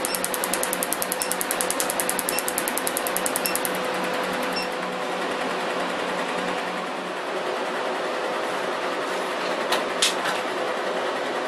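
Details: Laser removal of a professional tattoo: rapid regular clicking pulses, about three per second, over a steady machine hiss and hum as the laser fires.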